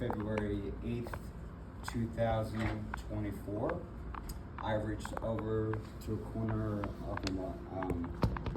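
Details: Adult man with aphasia and apraxia of speech after a February 2024 stroke that left him initially nonverbal with right arm and leg weakness; several further strokes followed; still in speech therapy.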